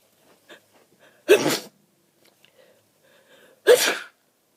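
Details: Adult with a cold, snotty and stuffed up, in a morning sneezing fit lasting about 30 minutes, partly stifled: two forceful sneezes, each after a sharp intake of breath, with soft sniffing between; sneezing.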